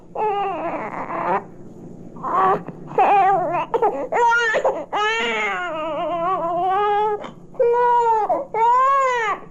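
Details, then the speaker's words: A hungry young infant crying loudly, from a 1967 recording of baby sounds: normal infant hunger cry. "Here is the most commonly recurring crisis in the life of young infants. Hunger. Stark hunger."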